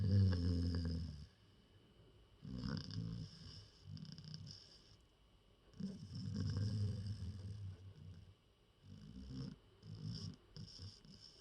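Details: Gerty snoring while lying in a person's lap: deep, rumbling snores in four long breath cycles, about twenty a minute, with quiet pauses between them; ordinary snoring.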